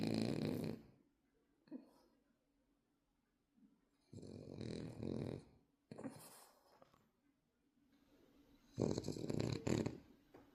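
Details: Sleeping French bulldog puppy snoring: rough, rattling snores with each breath in, quieter breaths out between them.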